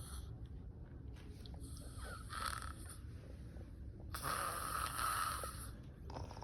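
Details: Aunt snoring loudly while sleeping: rough, rattling breaths with some whistly hiss over steady room noise; snoring.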